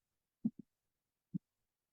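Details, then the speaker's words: Second heart sound split into aortic (A2) and pulmonary (P2) components, the A2–P2 gap being the splitting interval; soft heart sounds at about 67 beats a minute with closely spaced A2 and P2: split second heart sound. "the S2 actually consist of the two components A2 and P2 the interval between the A2 and P2 is known as raing interval"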